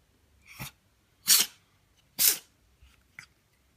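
Several short, sharp, explosive bursts of air, two of them strong, spaced about a second apart. This is a run of sneezes from a cat.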